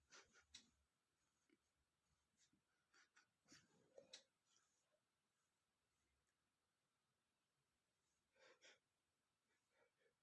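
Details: Male sneezing after sniffing red peppers: several sharp, hissing sneeze bursts with sniffs and breaths between them, in a quiet room.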